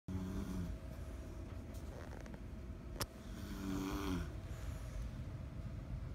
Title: snoring